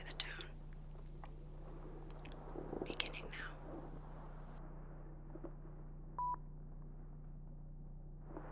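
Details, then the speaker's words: Simulated pure-tone audiometry beep in an ASMR audiologist role-play for decreased hearing, headphones on: soft rustling and tapping, low room hum, then one brief steady mid-pitched beep; raise hand on the side heard. "Selama beberapa menit berikutnya , Anda akan mendengar serangkaian nada. Silakan angkat tangan yang bertepatan dengan telinga tempat Anda mendengar"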